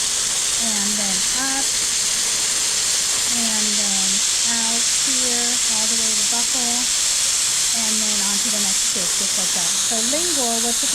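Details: Magnetostrictive ultrasonic scaler on a typodont, mandibular anterior sextant, buccal surfaces, dental hygiene training demo: steady high-pitched hiss with water spray and intermittent squeaky tones as the tip moves over teeth.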